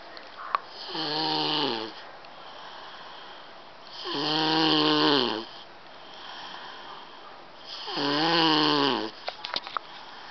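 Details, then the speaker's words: Loud snoring from a child, the uploader's nephew, asleep in his bed at home; rattling snores on each inhalation, likened to sawing wood, about 17 breaths a minute, with quiet exhalations between. "it sounds like you see sawing wood ladies and gentlemen"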